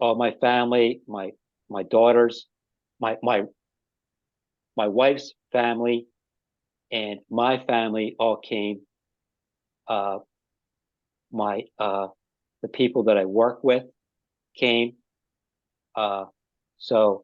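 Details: Adult man with non-fluent aphasia after an ischemic stroke five years earlier, speaking haltingly with frequent pauses and fillers; non-fluent aphasia after stroke.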